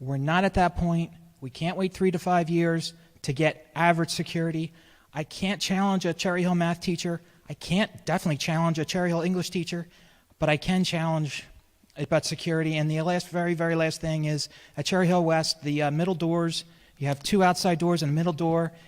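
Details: Adult speaker addressing a meeting; ordinary speech.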